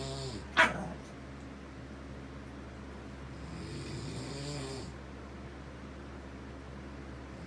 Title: Snoring is whack